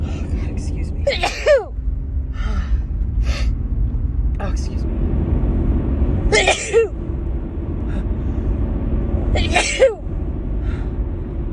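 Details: Three sneezes from a woman with a cold or allergies, over heavy low rumbling background noise; sneezing.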